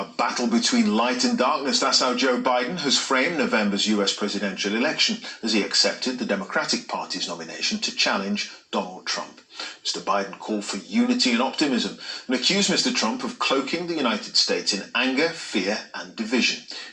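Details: Adult news presenter; typical speech.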